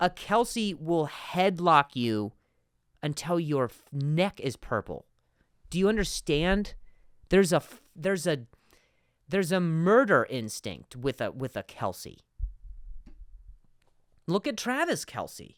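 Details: Adult man who stutters, spontaneous podcast speech: stuttering.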